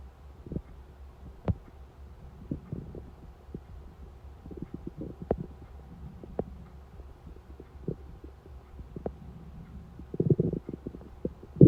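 Quiet scattered gurgles and soft pops from an empty stomach; hunger rumbling.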